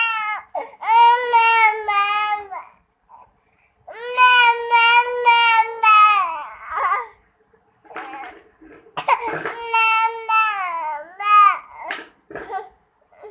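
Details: Loud, high-pitched rhythmic wails with pauses for breath between bursts; a baby crying.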